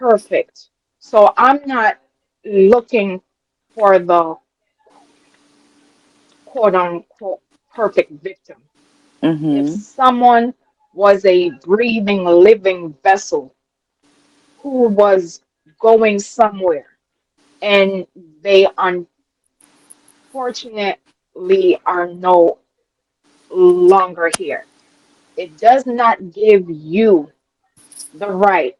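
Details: Adult woman with a self-reported, audible speech impediment she calls her "disability"; real speech: speech impediment.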